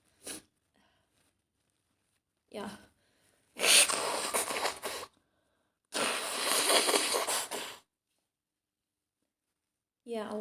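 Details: Acted role-play of a female friend coming down with a cold after being out in the rain, with throat starting to hurt: two loud, spraying sneezes with brief breaths before them.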